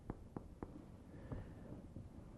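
Several soft, hollow finger taps on the back, a few fainter, against quiet room noise; normal resonant percussion note over the lungs.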